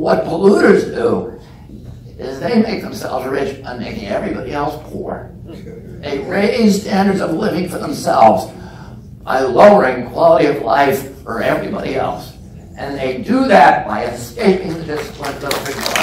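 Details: Real case: adult man with spasmodic dystonia, onset at age 42 after a previously strong voice; he says it makes his voice tremble, becomes less noticeable or goes away after speaking a while, and is painless. Spasmodic dysphonia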